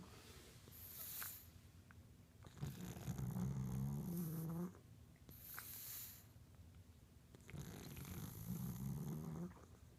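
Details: Sleeping pug snoring: two slow, rattling snoring breaths with quiet whistling exhales between them, in a quiet room.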